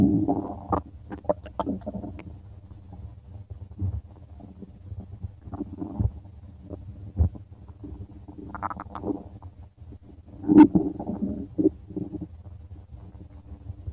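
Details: Irregular gurgling and rumbling with bubbly bursts over about fourteen seconds; stomach growling, bowel sounds (borborygmi).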